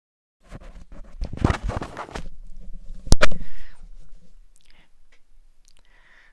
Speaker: tell me you didn't hear that when I sneeze the people the next hand over can usually hear me